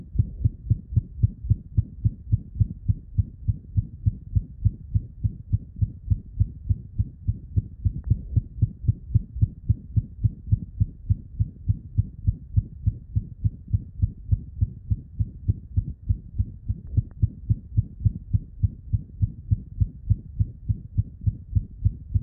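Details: Innocent (functional) heart murmur in a cat whose heart was normal on echocardiography: rapid, regular heartbeat with a soft whooshing sound between beats.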